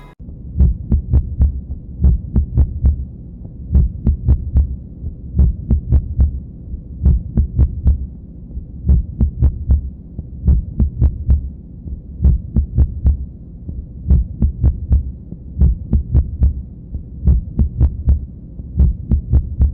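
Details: Heart sounds in coupled pairs, a normal sinus beat then a premature beat, each pair followed by a longer pause; ventricular bigeminy.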